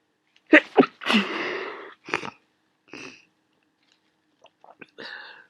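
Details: Person with a worsening head cold: quick inward catches, then a forceful sneeze followed by several wet sniffs; sneezing and sniffling.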